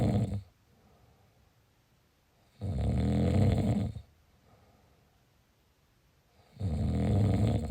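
Loud rattling snores on each breath in, about 16 breaths a minute, quiet between; snoring from vibrating throat tissue in sleep.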